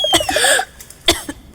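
Two short, sharp cough bursts with a bright, dry quality, heard over background music in an advertisement.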